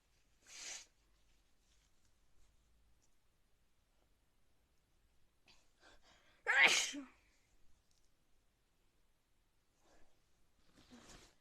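Several short, sharp, hissing bursts spaced seconds apart in a quiet room: repeated sneezes, about three or four.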